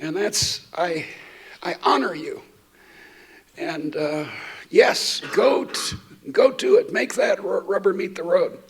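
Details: Adult woman who states she stutters, speaking while she also has a terrible cold affecting her voice; stuttering.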